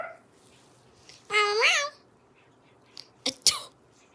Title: Cat hates sneezing #cats #sneezes #funny #funnycats #funnyanimals